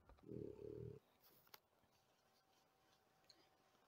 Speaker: you're fine i'm sorry if you hear that that is my dog snoring right next to me